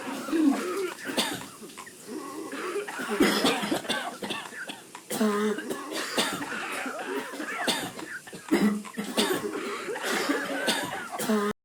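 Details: An adult performing a deliberate run of repeated coughing, quick coughs one after another, about 1 minute 13 seconds of incessant coughing.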